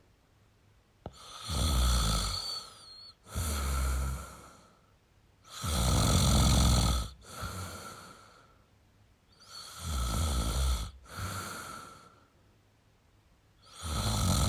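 Steady, low snores with softer out-breaths, about 14 breaths a minute; ordinary snoring.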